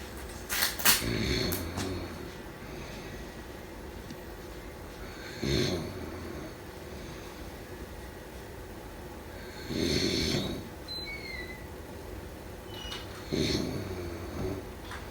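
Rough, rattling snores on each breath, about 16 a minute, over steady room hiss; ordinary snoring.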